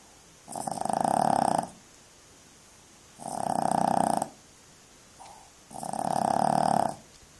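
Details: Puppy snoring: three rhythmic snoring breaths, each about a second long and roughly 2.7 seconds apart, with quiet pauses between.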